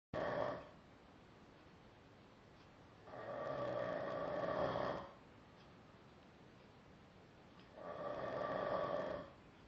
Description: I just caught my friend snoring and i said this could be good on youtube :)